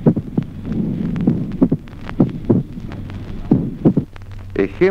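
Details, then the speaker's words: Mitral opening snap with short interval in slow atrial fibrillation, teaching example 17: irregular, slow heart sounds with a sharp extra sound closely following the second sound. "ejemplo 1o chasquido de apertura mitral de intervalo breve en la fibrilación lenta"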